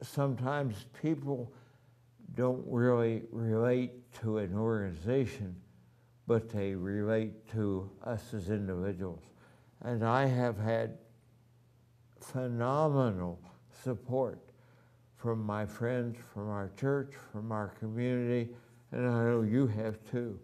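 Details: Adult man with ataxia, voice somewhat affected since the previous year, has had voice therapy; ataxic dysarthria.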